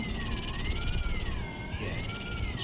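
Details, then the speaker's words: Rapid steady pulsing with a gliding mechanical whine as the phaco probe emulsifies the last nuclear fragment at the iris plane during topical phacoemulsification of an NS3 cataract. "I'm emulsifying the fragments. The last fragment."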